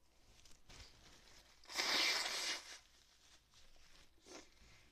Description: I got up this morning and I cant stop sneezes